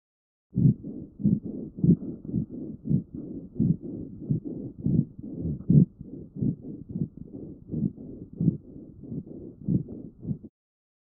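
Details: Child's chest recorded with a StethoMe electronic stethoscope, with sounds auto-classified by AI: low, coarse, snoring-like rhonchi from mucus in the airways, continuous tonal sounds present in both inspiration and expiration.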